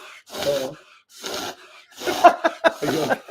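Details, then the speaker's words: Repeated loud snorting inward pulls of air through the nose from an excited Bernedoodle dog: a reverse sneezing spell. "Reverse sneezing. You're just dogs excited. reverse sneezing. You're just excited."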